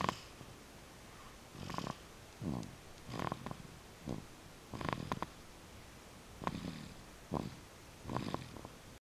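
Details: Snoring during sleep: soft, irregular snuffling snores with some nasal whistling, about 19 breath sounds a minute.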